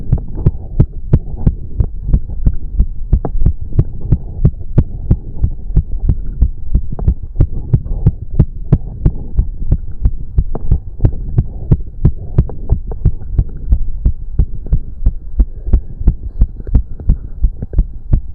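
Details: Male's heartbeat during a 30-minute cardio workout with heavy breathing: rapid, regular low thumping at roughly 180 a minute, exercise tachycardia.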